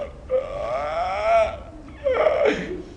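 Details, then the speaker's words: Adult lecturer imitates sleep apnea for a psychology class, simulated: a drawn-out, rough snore-like sound, a pause, then a strained gasp as if unable to catch breath. "so when someone has sleep abne that I don't want to do this wipe out my sonis but it sounds like they're snoring but what happens they can't catch their breath so"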